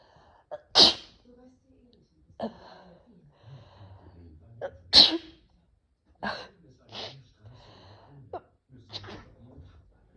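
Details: Two forceful sneezes with whining, small vocal sounds and softer coughs between, in a quiet room; the person is unsure whether allergies are the cause; sneezing and coughing.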